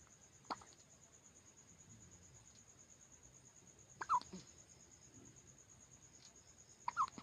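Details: Baby with hiccups: three brief, sharp, abrupt catches a few seconds apart over a quiet background with a faint steady tone.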